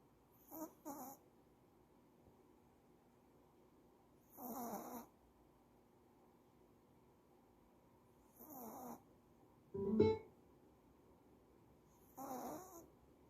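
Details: Female dog snoring at rest, maybe tired or dreaming: soft rhythmic noisy breaths about every four seconds, roughly 15 a minute, with one louder snort in a quiet room.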